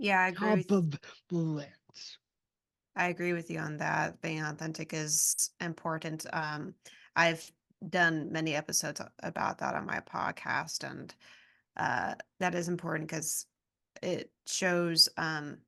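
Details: Adult speaker in conversation; ordinary speech.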